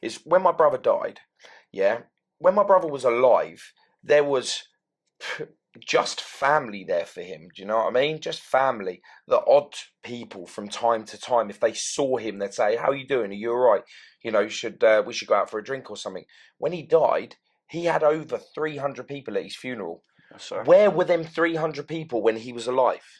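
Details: Adult man speaking; normal speech.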